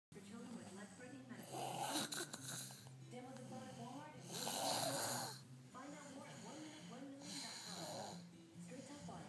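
Rhythmic rattling snores during sleep, with soft music in the background.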